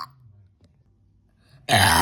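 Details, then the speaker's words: Part of a series of straight burps: quiet room, then a sudden loud, rough belch cut off at the end; burp. "this is part 2 of straight burps. This is a real gnarly one."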